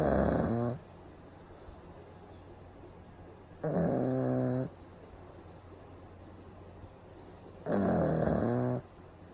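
Loud rattling snores repeat about every four seconds, roughly 15 a minute, over steady room hiss. Snoring in a sleeping flat-faced dog.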